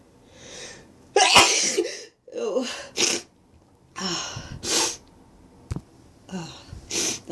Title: Holy build up sneezes!